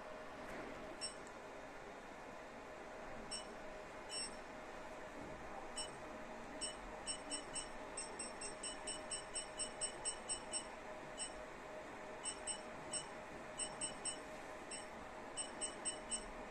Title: Diode Laser 808 nm Laser Hair Removal Machine | hair removal laser manufacturer